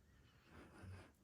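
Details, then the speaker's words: A dog snoring during a card-making recording, a faint low rumbling snort from the sleeping dog against quiet room noise. "element if you can hear the dog and he's hear him snoring what can I say I'm really sorry so funny you can hear him"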